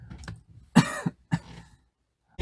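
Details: A person with a cold: a couple of short, dry coughs with throat clearing in a quiet room.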